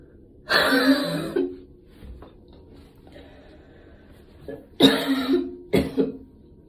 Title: post gym cough this ones actually a few months old, but i didn't have time to post it